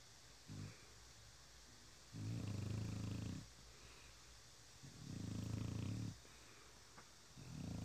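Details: French Bulldog snoring while asleep: deep, rattling snores about 22 breaths a minute, each lasting over a second with quiet pauses between.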